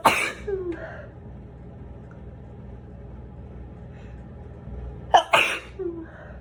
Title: Collection of sneezes